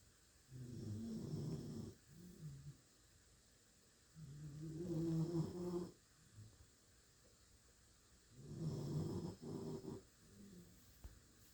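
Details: Three slow, rumbling snores, each with a quieter tail, about 15 a minute, in a quiet room; ordinary snoring.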